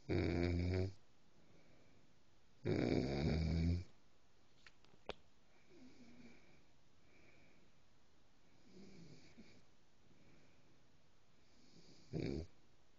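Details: Loud, rumbling snores alternating with softer breaths, several seconds apart, over quiet room noise: a dog snoring in sleep.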